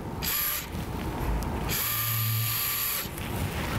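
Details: Talonavicular fusion demonstration with Stryker VariAx 2 plating system: two bursts of high-pitched motor whine from a powered driver placing an additional K-wire through the plate's joystick to hold reduction and compress the joint.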